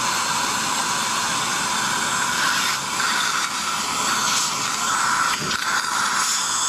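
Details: Continuous loud hiss and high whine with water spray from a Neutron piezo ultrasonic scaler at power setting 4.5 on the upper left quadrant, with high-volume suction and mirror near the tip; ultrasonic scaler running.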